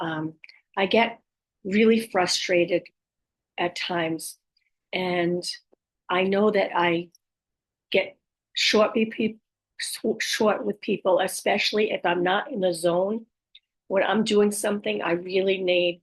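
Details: Aphasia and apraxia of speech in a woman after a stroke at age 58; she reports her speech is sometimes really hard to understand and that, especially early on, she would repeat words to get them out.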